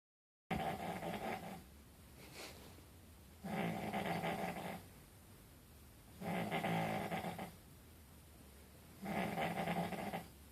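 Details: Loud, rumbling snores recur about every two and a half seconds, each lasting about a second, with quieter breathing between them; snoring.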